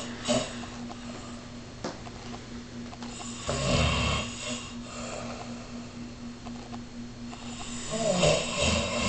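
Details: Rough, rattling snores with breathy exhalations, about two in nine seconds, over a steady background hum, likened to a bear fighting a broken chainsaw; snoring.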